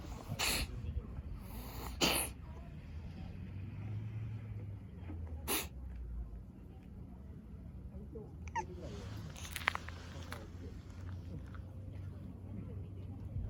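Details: Cat with a cold sneezing: several quick, small sneezes, a pair close together then another, over steady low room noise.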